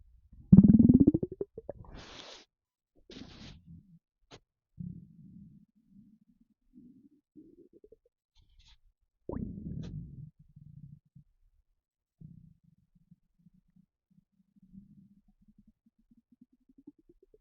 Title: Empty stomach rumbling